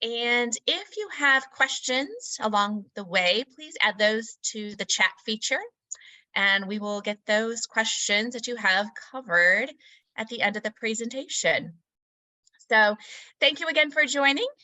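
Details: Adult woman; normal speech.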